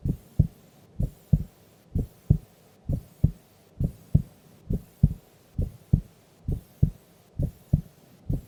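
Steady paired lub-dub beats at about 67 a minute, regular rhythm; a normal resting heartbeat.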